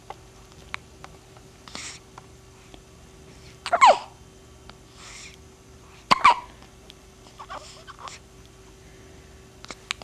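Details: Two sharp hiccup sounds about two seconds apart, with soft breathing between, over a quiet room hum: hiccups.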